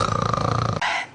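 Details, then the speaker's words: A person snoring at night, which is attributed to sleep apnea, with the tongue falling back and blocking the airway. "Да, прости, милая, я не знаю, почему я храплю. Это называется опное сна. У тебя во сне на пару секунд останавливается дыхание, язык проваливается в глубь гортани и перекрывает дыхательные пути."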